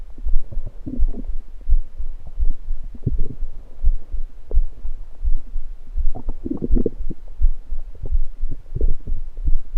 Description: In the first part of the video you hear the soda pop entering my stomach and the burps then after that I lay down on my left side and continue recording my stomach as it gurgles away.